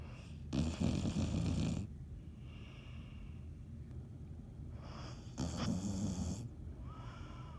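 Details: Dottie snoring: loud, rough, fluttering snores on the in-breath with softer whistling out-breaths, two full cycles; heavy snoring.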